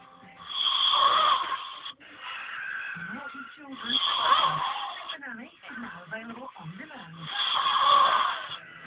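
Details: Boy snoring in his sleep: loud rasping snores on each breath in, with quieter breathing between, about 17 breaths a minute.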